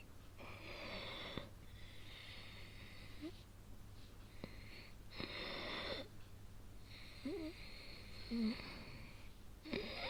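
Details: Asthma attack, stated as real but exaggerated, in a male-oriented situation voice recording: laboured breathing with a high whistling wheeze on each breath and brief groans; she then asks for her inhaler. Wheezing.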